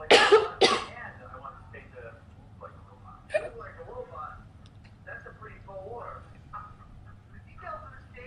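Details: Girl hiccuping and smoking, with two sharp cough bursts, then quiet breathy sounds and faint room noises, and a brief cough while smoking.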